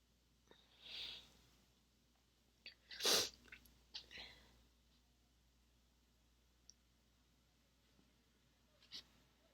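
Soft breathy catches and a muffled, held-back sneeze burst in a quiet room, typical of stifled sneezing.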